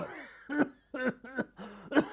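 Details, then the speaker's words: Four short, dry cough bursts from a comedian impersonating a politician in a TV satire sketch. The coughing is staged, used to dodge questions. Not a real cough. "मैं ठीक हूँ जी मैं ठीक हूँ बस कभी कभी खांसी आती है"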